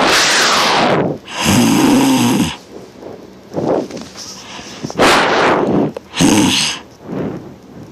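Loud, harsh breathing sounds in uneven bursts, some with a rumbling vibrating quality, consistent with heavy snoring; recording is rough and distorted.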